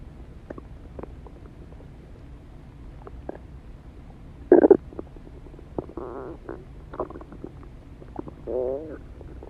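Irregular gurgles, squeaks and rumbles of varying pitch over a quiet background: ordinary stomach growling from gas and fluid moving through the gut.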